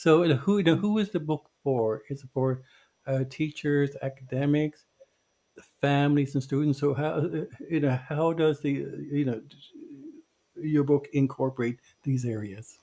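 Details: Stuttering in a podcast co-host who identifies himself as a person who stutters.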